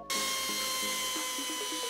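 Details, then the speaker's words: Simulated surgical bone saw in a virtual-reality total knee replacement simulator: a steady high whine with shifting pitch steps as it makes the first distal femoral condyle cut, guided by a robotically assisted resection block. "I'll grab the bone saw and make that first cut removing the anterior or"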